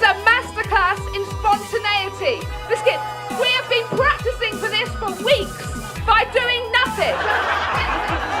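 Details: Woman in her late 30s with Tourette syndrome; involuntary vocal tics like "biscuit" interrupting speech, and motor tics banging her chest, with audible hand-on-chest sounds; Tourette syndrome vocal tics.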